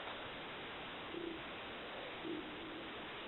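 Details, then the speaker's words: The speaker's own stomach growling, heard while presenting polymer clay crafts: two brief, low, hollow gurgling rumbles over steady background hiss (borborygmi). "c'est mon ventre qui gargouille, si vous avez entendu."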